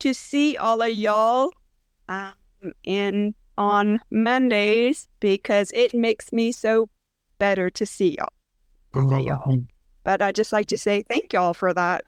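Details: Woman with aphasia and apraxia after a brain injury about four years earlier, who says she cannot talk well; aphasia with apraxia of speech.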